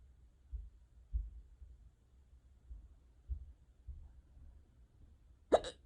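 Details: An unusually severe, persistent bout of hiccups: soft, abrupt hiccups about every half second to second, ending in a sharper, louder one.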